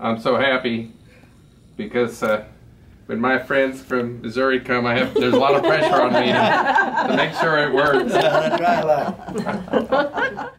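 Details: Adult woman speaking; normal speech.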